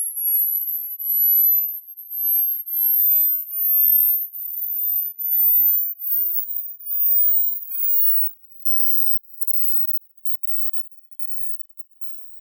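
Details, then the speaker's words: High-frequency hearing test tone sweep: very high-pitched tone bursts rising step by step for about eight seconds, then silence, for the listener to note the highest number they can hear. "इस test में आपको बस यह देखना है की आपको आवाज कौन से नंबर तक आई है"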